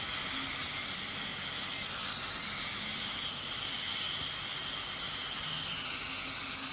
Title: Dental Scaling with the Dentist